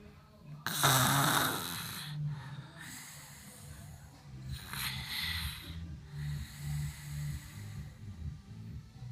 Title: snores like Kuya chino